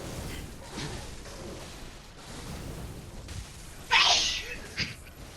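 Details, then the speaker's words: A single sharp, hissing sneeze from an adult man, muffled off-microphone after muting his mic, heard through others' headsets over faint room noise: sneeze. "Have the courage to sneeze directly into the mic."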